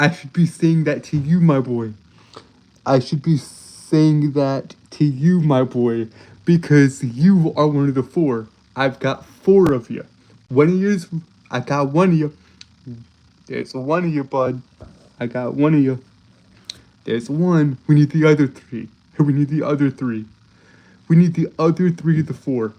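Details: Male streamer with a self-reported speech impediment that makes him stutter and trip over his words; repeated phrases are audible; stuttering.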